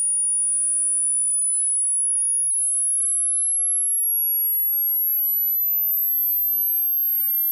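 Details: Hearing test: pure whistle-like tone slowly rising in pitch for self-check of upper hearing limit; age-based chart, people over 60 should hear up to 8000 Hz if ears are fine.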